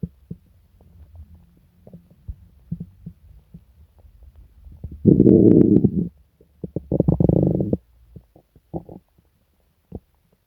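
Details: Stomach rumbling (borborygmi) in a person sick for several days with stomach pain, diarrhea and nausea: scattered gurgles and clicks, then two long, loud growling rumbles from the belly.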